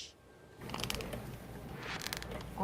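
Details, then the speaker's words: Knee crepitus recorded in a hospital from the knee of an arthritis patient: rough clicking, grinding "drrrr" sound like scratching wood, joint surfaces rubbing with little lubrication or joint space. "이 소리 는 우리 무릎 에서 나 는 소리 입니다 . 아 , 소리 가 나네 . 정확히 . 방금 들으신 소리 는 자연 의 소리 나 곤충 소리 가 아닙니다 . 무릎 에서 나 는 소리 예요 ."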